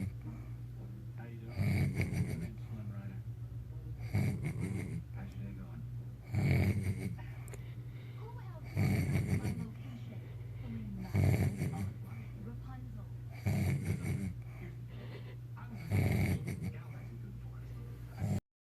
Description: When my snoring boyfriend is really out I can pinch his nose and make some music/motor boating noise! Glad he still loves me after this crap